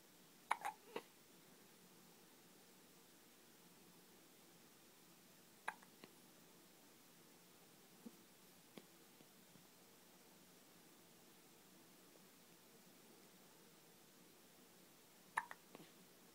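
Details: Child who started hiccuping in the womb and has never stopped, hiccuping again: faint, sharp little gulps recurring every few seconds over a quiet background hiss.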